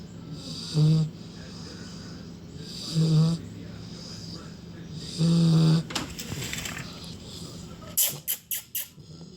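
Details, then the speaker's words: Sleeping puppy snoring: three low, buzzing snores at regular intervals, then a few short snuffling bursts. "Hey, stop snoring. Hey, stop"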